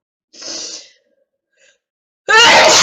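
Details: A breathy in-drawn build-up, a pause, then a loud explosive sneeze from an exasperated Russian-speaking person in repeated attacks; part of a sneezing fit.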